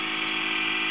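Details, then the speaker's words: AirSep FreeStyle 3 portable oxygen concentrator running at flow setting 2 in pulse-dose mode, with a green light blinking at each oxygen pulse; steady high-pitched mechanical whir, normal operating sound. "when you are using the freestyle and the device delivers a pulse of oxygen that green light will blink letting you know that that device has delivered a pulse of oxygen"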